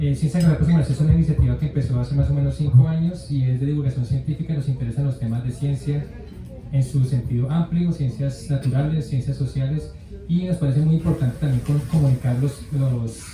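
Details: Adult male speaker; Normal speech.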